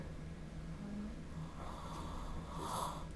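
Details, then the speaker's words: Patient with huge tonsils nearly filling the oropharynx, loud snoring with obstructive sleep apnea and hypoxia, weight 96 kg, breathless on walking; loud rough snorting breath with nasal tone, rasping near the end; noisy snoring breathing. "呼吸的时候都有很大的声响。气息声。所以走路就会喘。在电梯里面可能都有人听到你呼吸的声音。"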